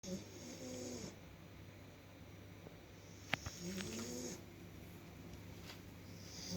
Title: black lab snoring pretty loud